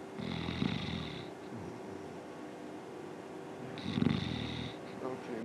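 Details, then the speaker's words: Snoring after an apnea, played in a lecture on sleep disorders: low rumbling snores resume after a pause with no airflow, a sign of airway narrowing and obstructive sleep apnea. "The low rumble. Now that was an apnea. Apnea means no air flow."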